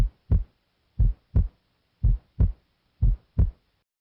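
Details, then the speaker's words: Steady lub-dub heartbeat near 60 a minute, heard with the stethoscope diaphragm at the base during an adult cardiovascular assessment; S2 from semilunar valve closure is loudest here: normal S2 at the base. "S2 is caused by closure of the semi lunar valves. It's loudest at the base where it normally sounds like"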